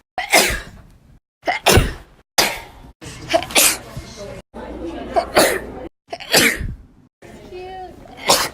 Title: 2k18 sneezes